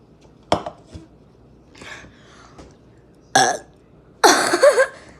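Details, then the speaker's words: Person trying to burp after saying their stomach hurts: a few faint throat sounds, then two loud, drawn-out voiced belches near the end; ordinary burping. "Yeah, I'm trying to burp. I'm out. Was that a loud burp?"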